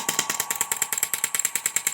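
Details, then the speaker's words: Low-intensity shockwave therapy device from eBay (Chinese machine), used for erectile dysfunction, single control button, gives fast even rattling pulses about ten per second like a mini jackhammer; uncomfortable but not highly painful. "Pushes just like a little mini jackhammer. It's uncomfortable, but it's not highly painful."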